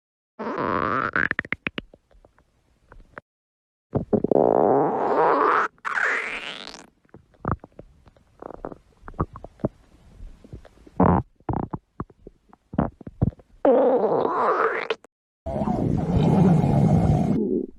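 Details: Loud stomach growling (borborygmi): long rising gurgles and squeaks with bubbling pops from gas and fluid moving through the gut.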